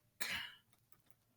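A single short dry cough in a quiet room.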